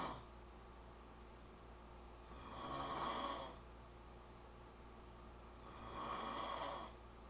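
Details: Man snoring: two slow, rough snores about one every three seconds over a steady room hum, ordinary loud snoring.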